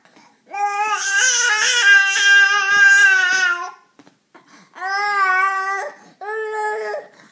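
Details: Baby boy crying with background music: three sustained, clear wailing cries with short pauses for breath; ordinary infant cry.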